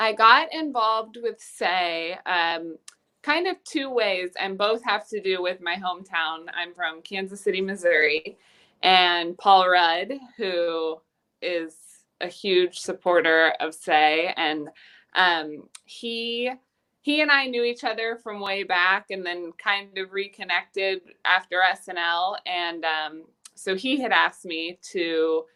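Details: Adult woman speaking; typical fluent speech.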